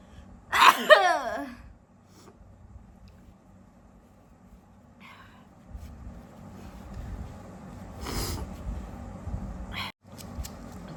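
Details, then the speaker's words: Woman doing a deliberate sneezing challenge, sneezing induced after sniffing spice powders: one loud voiced sneeze, then smaller sneezy bursts and sniffs; sneezes coming intermittently, eyes watering. "Guys बहुत ज्यादा ही हो गया है sneezing पता नहीं थोड़ा रुक रुक के आ रहा है बट मेरा आंसू भी आ गया है"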